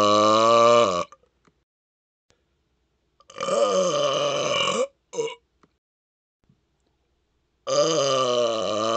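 Three long, loud, deliberate voiced burps, each lasting one to two seconds, plus a short one, separated by silence.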